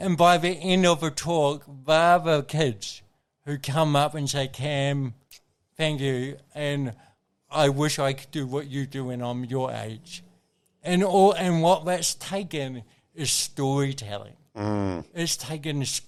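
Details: Adult man with congenital cerebral palsy, a brain injury from oxygen loss during birth, with thinking intact; real dysarthria (cerebral palsy).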